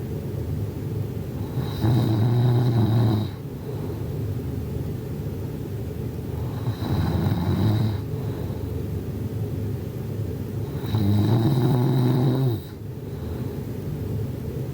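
Three loud, rough snores about every four to five seconds, roughly 13 breaths a minute, over a constant background rumble: snoring.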